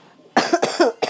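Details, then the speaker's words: Cough from a child who says they are really sick with a sore throat: three quick, harsh cough bursts in a row after a short quiet pause. "you could hear that my throat that I'm really sick so I'll be back when my throat feels better"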